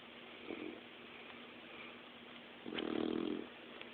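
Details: Sleeping dog with soft, low, rumbling snores on the breath in and quiet pauses between; ordinary dog snoring.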